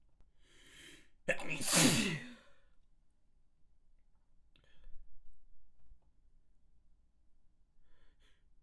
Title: Very Messy Sneezes